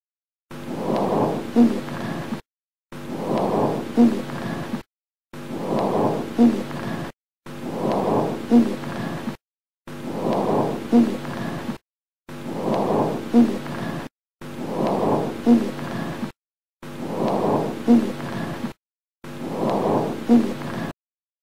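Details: Rhonchi in breath sounds: repeated breaths carry low, coarse, rumbling snoring sounds, typical of secretions in the larger airways.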